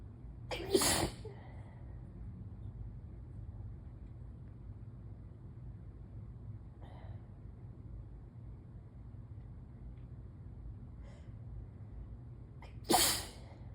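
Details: Intense morning allergy sneezing: two sharp, explosive sneezes about twelve seconds apart over steady room hum.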